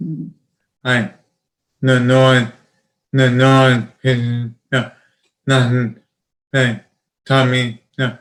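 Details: 31-year-old man with Broca's aphasia, apraxia of speech and dysarthria after a traumatic brain injury in a 2016 car accident; he is hard to understand and has trouble getting words out.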